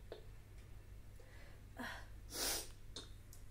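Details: Sneeze from self-reported dust allergy after cleaning while wearing a mask: sniffs and a sharp inhaled catch, one sneeze in a quiet room, then a sniff.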